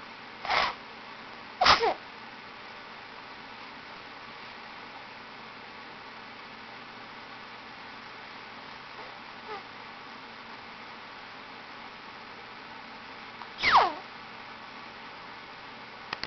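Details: Akina, a small animal, gives three sharp sneezes separated by quiet room noise.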